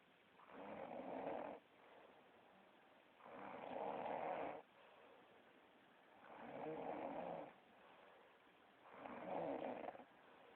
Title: Girlfriend snoring